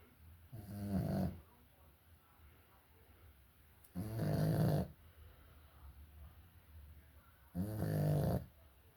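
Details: Sleeping dog snoring: three loud, low, rattling snores on the in-breath, roughly every three to four seconds, with quiet breathing between; snoring.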